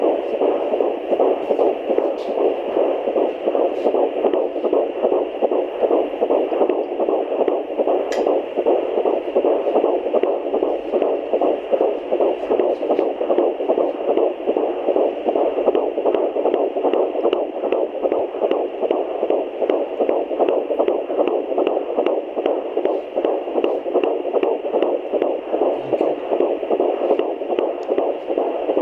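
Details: Fetal heartbeat on Doppler at 13 weeks + 5 days of pregnancy, baby moving after the mother ate: rapid, steady whooshing pulses with the typical fast "galloping horse" rhythm.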